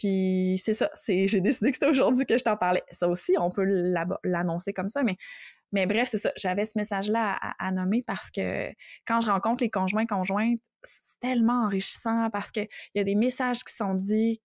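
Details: Adult French speaker who stutters, a doctoral student in speech-language pathology, whose stuttering includes blocks with eye closing and head movements; stuttering.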